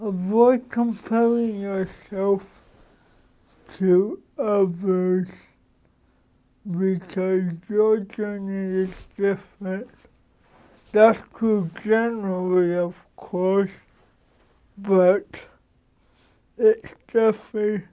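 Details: Adult man who has lived with cerebral palsy, a neurological disorder, for 53 years; real, unacted speech showing dysarthria due to cerebral palsy.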